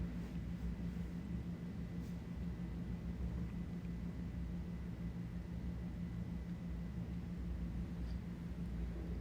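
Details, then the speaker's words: Stethoscope diaphragm over the right renal artery in a healthy patient during abdominal examination demonstration; steady low rumble with no whooshing bruit, normal finding. "If patient has hypertension, listen to the bruits over right renal artery."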